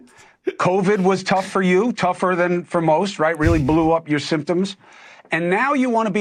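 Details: Adult speaker; normal speech.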